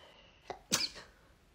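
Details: A short intake catch, then one sharp, hissy sneeze from a female, with faint room noise, from a compilation of rapid sneezes.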